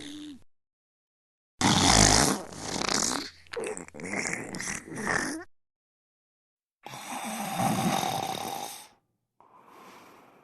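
A few loud, rough, rattling snores broken by silent gaps, some with a whistling edge; snoring.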